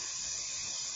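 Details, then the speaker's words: Arthroscopic drilling of the medial tibial plateau at a 20–30° angle in a 56-year-old woman's knee with varus deformity, medial compartment degeneration and bone-on-bone lesion; steady high-pitched hiss of the surgical drill. "So we're starting to drill now. So this is drilling at an angle,"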